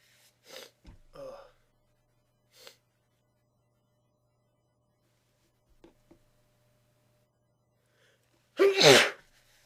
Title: Sneezing into tissues